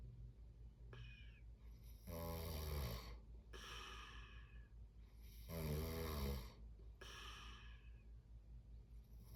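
Rough rattling snores on each breath in, with softer breaths out, about one cycle every three to four seconds. Snoring in sleep.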